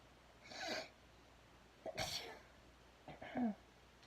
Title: Sneezing while doing my hair